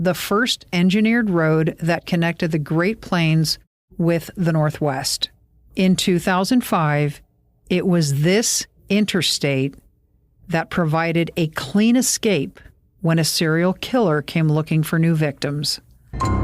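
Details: Adult woman narrating; ordinary speech.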